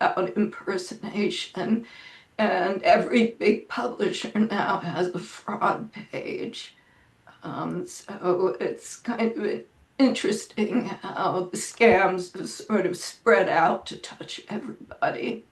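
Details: Adult woman with spasmodic dysphonia that she says causes her voice to sound this way; it varies day to day and she reports today is not a particularly good day.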